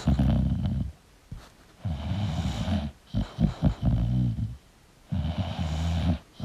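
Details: Snoring from a sleeping English Bulldog: loud rattling snores on each breath, with pauses between.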